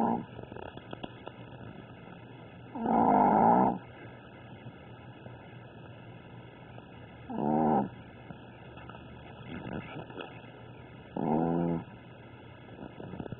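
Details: Chihuahua snoring in sleep, louder than the household pitbull: three rattling, vibrating snores, about one every four seconds, over a steady background hum.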